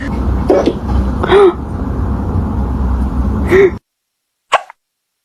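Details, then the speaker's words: Cat hiccuping, suggested to follow eating food too fast: short, abrupt little squeaks repeating a few seconds apart over room noise; hiccups. "You see what happens when you eat your food too fast."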